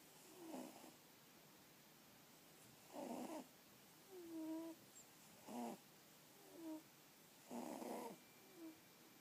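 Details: Sleeping pixiebob kittens snoring: rhythmic raspy snorts alternating with soft whistling tones, about 52 per minute, over steady room hiss.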